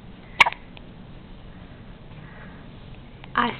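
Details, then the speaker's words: One-day-old newborn baby girl sitting in her father's lap with hiccups: two brief, abrupt catching sounds over steady room noise. "emily hey you got the hiccups emily you got little baby hiccups"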